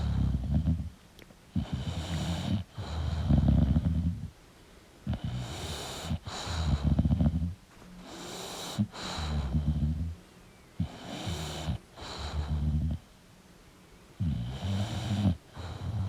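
Loud, rough, snorting snores in irregular bursts with each breath from a sleeping flat-faced dog; noisy obstructed breathing during sleep.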